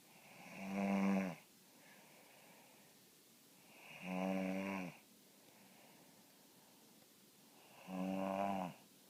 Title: snoring (;